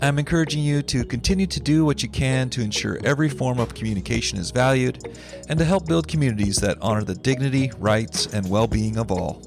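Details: Adult man speaking; ordinary speech.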